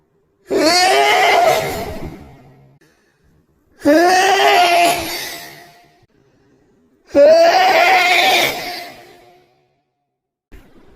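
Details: Three drawn-out, low, groaning sneezes, each fading over about two seconds, played back in slow motion; afterwards the person says they are okay.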